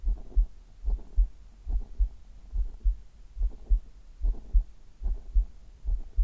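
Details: Adult chest heartbeat recorded for ASMR, steady regular low thumping at about 73 beats a minute; heartbeat.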